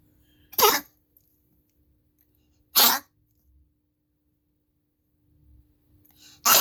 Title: Spike cough